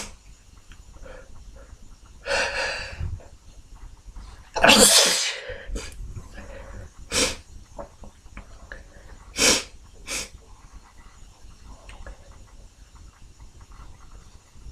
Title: Sniffles, fewUnstifled, few stifles, few nose blows and some very stuck sneezes toward the end!